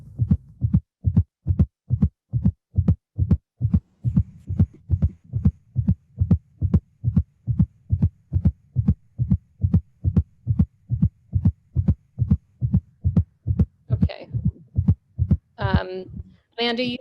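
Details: Simulated Doppler fetal heartbeat in an intermittent auscultation training exercise, heard after a contraction has fully ended. It is steady and regular at about 140 beats a minute, a normal baseline fetal heart rate.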